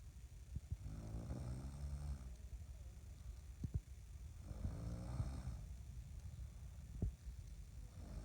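Soft low rattling snores with each breath in, about three cycles over eight seconds; ordinary snoring at a slow breathing rate.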